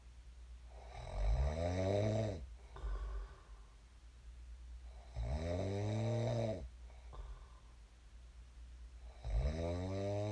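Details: Three loud, rumbling, vibrating snoring inhalations about four seconds apart, with quieter exhalations between, in a quiet room; a sleeper snoring at roughly 15 breaths a minute.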